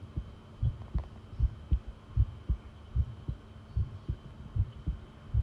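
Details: Long recording of a heartbeat: regular low paired thumps at about 77 per minute over a faint steady hum; a normal heartbeat.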